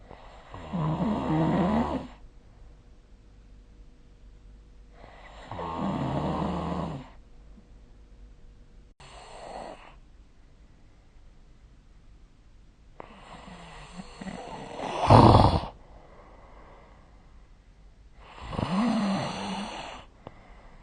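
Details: Five rumbling snores in about 20 seconds, uneven in spacing and strength, one ending in a sharp snort; snoring during sleep, recorded with the SnoreLab app.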